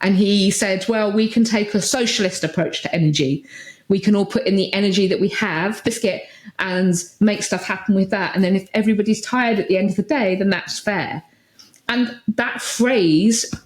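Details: Adult woman with Tourette syndrome; Vocal tic (Tourette syndrome).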